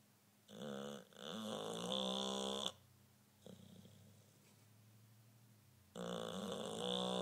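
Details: English bulldog snoring.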